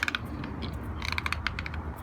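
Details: Rapid, gritty clicking and grating bursts of loud teeth grinding; bruxism.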